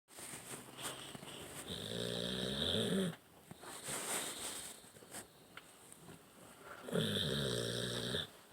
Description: Eeyore snoring loud